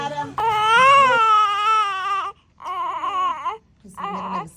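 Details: Newborn boy delivered after induction at 38 weeks for fetal growth restriction (IUGR): three loud, strong cries with clear pitch and brief pauses for breath; normal vigorous newborn cry.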